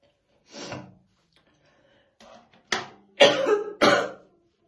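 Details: Woman brushing her hair in the morning, said to be real, not acted; throat clearing, then several harsh, deep coughs in a short fit: heavy smoker's morning cough.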